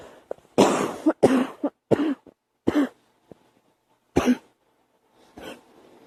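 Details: Young female coughing: a run of about six harsh coughs in irregular bursts, with quiet pauses between.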